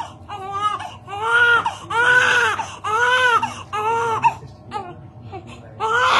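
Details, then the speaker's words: Loud, rhythmic wails with short breaths between from a newborn boy on hospital day 2 during a sponge bath before discharge; ordinary protest cry, newborn crying. "Okay, baby is getting the sponge bath, guys. చాలా ఏడుస్తున్నాడు, but full క్లీన్గా అయిపోతున్నాడు అనమాట sponge బాత్కి."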